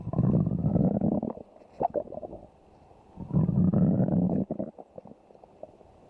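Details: Two long, low rumbling gurgles, each trailing into softer bubbling; ordinary stomach growling (borborygmi).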